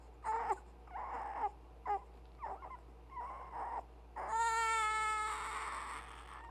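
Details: Infant with hiccups: a series of short fussing whimpers building into a sustained wailing cry.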